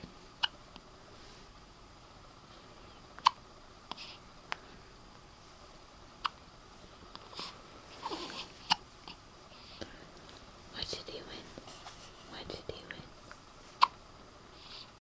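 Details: Soft, sharp little clicks a few seconds apart in a quiet room, about five clear ones: hiccups in a young boy whose mother says he hiccupped like this a lot before he was born.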